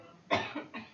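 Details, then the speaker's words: 48-year-old woman with T7 spinal cord injury, bilateral pneumonia and ineffective cough, leaning forward after a deep breath and pushing in and up with crossed hands: one strong cough burst with weaker trailing push; self-assisted cough. "Now, when I'm going to have you take a nice deep breath in, and then you're going to breathe out forcefully, but I want you to lean forward and kind of bring an in and up movement with your hands. Okay? Okay. Make you cough."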